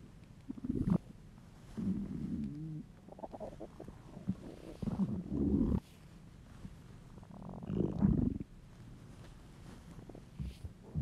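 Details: Male's hungry, empty stomach: gurgling, rumbling noises in bursts over a quiet room; borborygmi, ordinary hunger rumbles.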